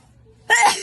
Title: Wide Nose Sneezes Philippines.